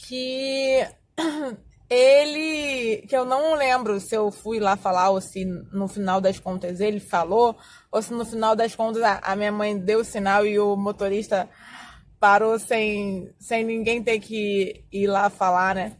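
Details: Adult Portuguese-speaking woman who says she has stuttered for more than 20 years, describing her stuttering as variable with avoidance of speaking situations; stuttering.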